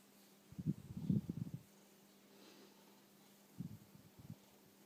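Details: Pet cat snoring during a summer nap.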